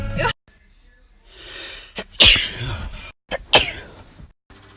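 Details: Sneeze compilation: two sharp explosive sneezes, each preceded by a quick breath in, with other sounds and music between.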